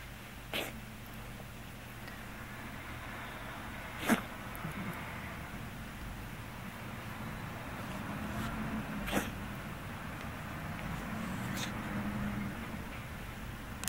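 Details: Hiccup-like cough in a Scottish Fold cat with hypertrophic cardiomyopathy, occurring occasionally since diagnosis and frequently of late; about four brief, sharp, hiccup-like coughs over fourteen seconds against low room hum.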